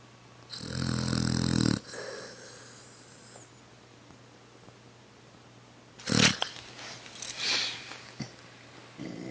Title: Snoring pit bull